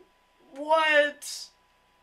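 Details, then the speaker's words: Acted comedic sneeze: a drawn-out voiced 'ah' rising into a sharp hissing 'choo', after saying another sneeze is coming on. "oh no I feel another sneeze coming on no no not again"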